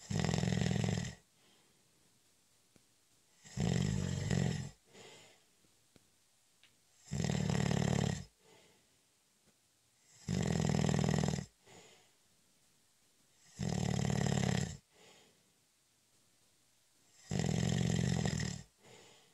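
Six loud, rough snores at a steady pace, about eighteen a minute, with quiet pauses between; ordinary snoring during a light nap.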